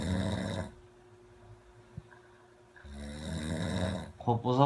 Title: 코골이 친구(꿀잼 실화) - 끝까지 들어야 완전 재미있음